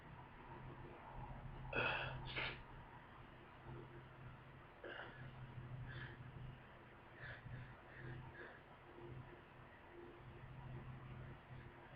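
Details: Two powerful sneezes from a person who just woke up with a head cold, then quieter snorting, sniffing breaths with heavy nasal congestion over a steady low hum.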